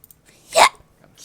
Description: An entire minute of hiccups and out of context words.